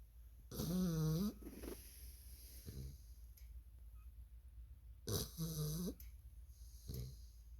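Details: Bull mastiff snoring heavily: two loud, rough snoring breaths with softer snorts between them.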